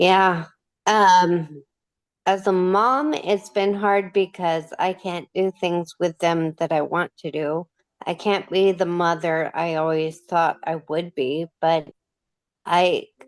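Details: 37-year-old woman with Friedreich's ataxia, a degenerative genetic disorder diagnosed at 21, now using a motorized wheelchair; she reports her speech is slurred; dysarthria (slurred speech).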